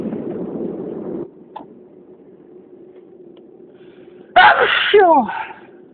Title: First allergy sneezing attack of the year!